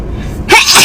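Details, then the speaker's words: Single sneeze: a short intake, then an abrupt, loud, hissing burst of air. "What's the secret of sneezing and not wetting your pants when your order? This is ridiculous. I hate getting old."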